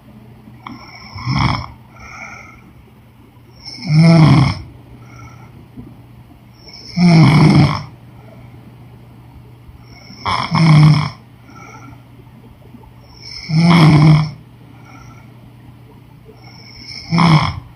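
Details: Woman snoring during sleep: six loud, rattling snores on each in-breath, about 19 a minute, with quiet gaps between; snoring.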